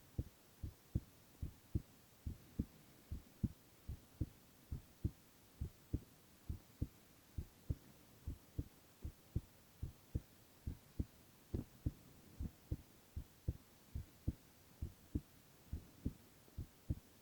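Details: Silent ASMR recording of a young man's heart sounds only: steady soft paired lub-dub thumping at roughly 90 to 95 a minute over a quiet hiss; normal heart sounds.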